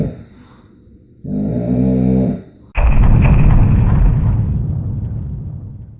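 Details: A loud, rattling, low-pitched snore on the in-breath, followed by a long rough rumbling snore that slowly fades: snoring.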